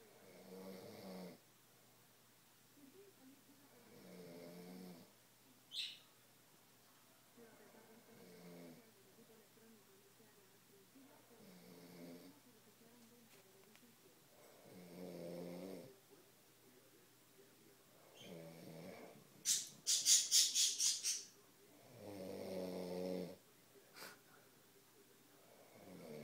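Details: Father snoring during sleep: loud rumbling snores on each breath in, about 16 breaths a minute, with brief hissing exhales.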